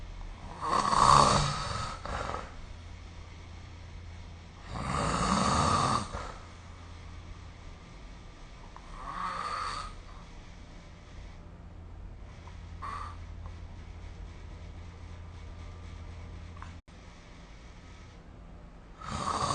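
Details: Snoring during sleep, recorded with the SnoreLab app: loud rough snores recur about every four seconds over a steady low room hum.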